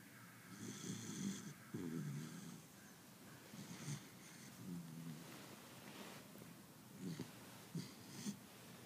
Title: Beagle 6 months old snoring